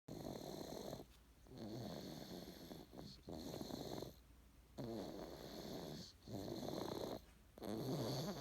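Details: Sleep snoring: rough, rattling snores with each breath, about 44 per minute, alternating with quieter breathing.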